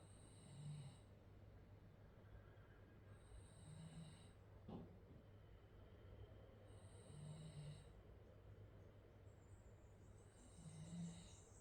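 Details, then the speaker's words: Dog snoring while resting during a home yoga session; she often snores even with her eyes open. About four soft, rhythmic, low rumbling snores at roughly 17 breaths a minute over a steady room hum. "i don't know if you can hear that but arya is snoring she often does that even with her eyes open"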